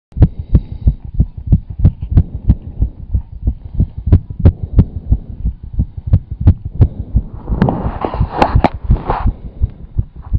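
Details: Own heart right after exercise (squats, jumping jacks, running): fast, strong, regular heartbeats, roughly 180 a minute, with a burst of rubbing noise; rapid heartbeat after exercise.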